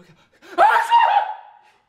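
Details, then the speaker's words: Staged comedy-sketch sneeze: a quick inward breath, then one loud voiced sneeze that trails off, in a small room; sneeze. "Every friend group has... That guy Oh my god... I'm gonna sneeze..."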